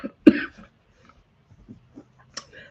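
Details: Cough of an adult grandmother sick in 2023 with what she calls COVID-19 after testing negative for COVID, flu and RSV: one short, harsh cough burst, then quiet breathing and faint throat sounds.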